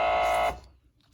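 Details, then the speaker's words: A Zoll Z-Vent ventilator on a simulated SimMan patient during the pre-use quick test, after a high airway pressure alarm: a loud steady buzzer that cuts off abruptly, the patient disconnect alarm with the circuit unconnected. "Okay, I got an airway high pressure. I should get a patient disconnect alarm."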